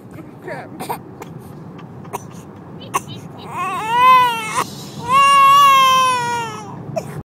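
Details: Infant crying: whimpers, then two long rising-and-falling wails, upset by someone's hiccups during a car trip; background noise.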